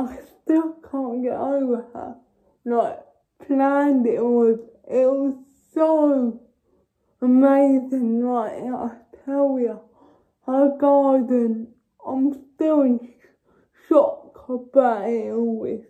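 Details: Dysarthria in a young woman with cerebral palsy.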